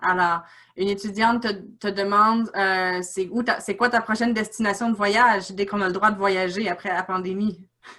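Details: Adult speaker; typical speech.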